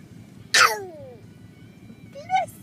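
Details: 1-year-old child fake sneezing: one sharp, sudden simulated sneeze burst followed by a short vocal trailing sound; faked sneeze.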